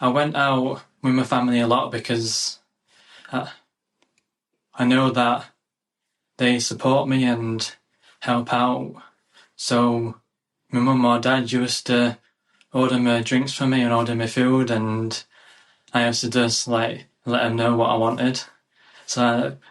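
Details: 27-year-old UK man with a lifelong stammer (stuttering) involving blocks, speech therapy in childhood, improved as his confidence grew; real adult stammering.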